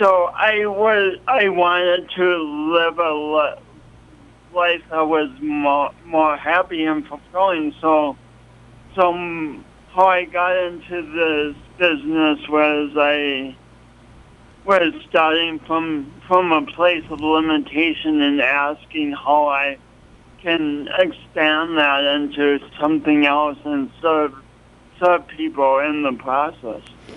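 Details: Adult man with a pronounced speech impediment and coordination awkwardness since an early, traumatic birth with loss of oxygen; speech impediment, probable dysarthria.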